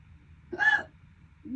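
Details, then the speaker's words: Persistent hiccups running over 12 minutes, described as painful and starting to wind down. A single abrupt voiced gulp over quiet background hum, one hiccup of the run. "This is not noral. Holiday hiccups. No, they're starting to wind out a little bit."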